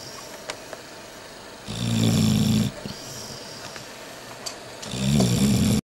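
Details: Woman sleeping: two loud, low, rattling snores a few seconds apart, with quiet breathing between them; ordinary snoring.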